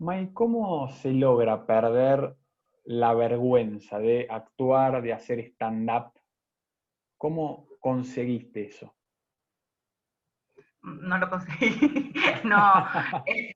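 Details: Adult woman who stutters and performs stand-up comedy: stuttering.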